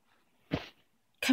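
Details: Short, sharp nasal burst then the start of a second, apparently a dog sneezing; the owner then finds what they think is blood and a large piece of grass expelled from the nose.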